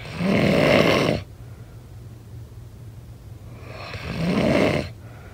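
Two harsh, rasping snores about four seconds apart, separated by quiet breathing; snoring.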